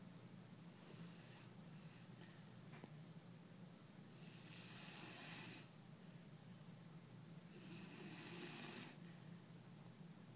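Faint, breathy snores recurring every few seconds in a quiet room: a sleeping puppy snoring softly.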